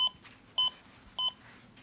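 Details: Three short, high electronic beeps about half a second apart in a small room, from a training device on a training victim's chest pacing continuous chest compressions.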